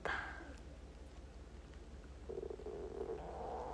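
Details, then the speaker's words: Audible stomach rumbling (borborygmi) from a woman who says she is very hungry, heard during an Instagram live stream after a bath. "お腹鳴ってるの聞こえます？私のめっちゃお腹空いたんだけどな。"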